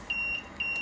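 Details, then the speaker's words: Viasys LTV-1200 ventilator set up for BiPAP: two short high electronic beeps, the low pressure alarm that sounds when the vent cycles without a patient connected. "Well, if the vent begins to cycle and there's no patient connected to the other end, the low pressure alarm will start to go off."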